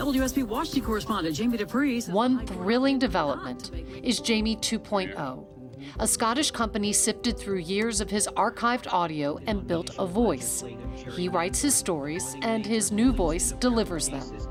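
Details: Adult female narrator; normal speech.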